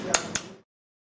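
Two sharp metallic taps over quiet room noise: chisel struck with a mallet on jawbone during lingual split wisdom tooth removal.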